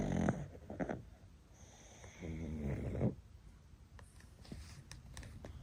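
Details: Three sleeping pugs snoring: irregular snorting, rumbling snores from small flat-faced dogs, with faint room noise between them.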